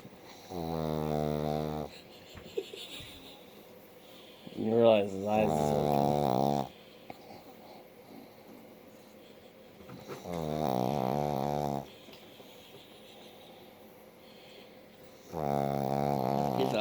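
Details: Dog snoring, possibly asleep with eyes open: slow, loud buzzing snores with each breath in, about four breaths in fifteen seconds, separated by quiet pauses.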